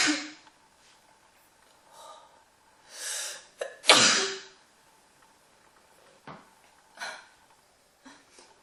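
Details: Several forceful sneezes, one with a sharp intake before it, then softer nasal sounds, likely nose blowing; the person then says their nose hurts. Sneeze.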